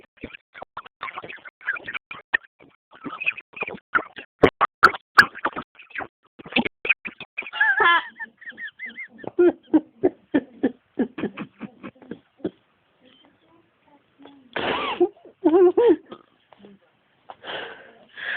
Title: Baby gets frustrated sneezing